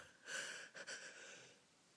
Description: im not able to hold theese back, although I have request to try